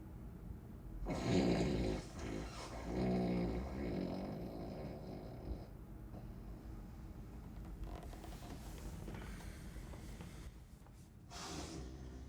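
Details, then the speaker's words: Simulated snoring acted in a comedy skit by an adult man sleeping: loud, rough, irregular snoring snorts over room noise. "Oh, well, I mean, do you think you could keep the snoring down a little bit tonight?"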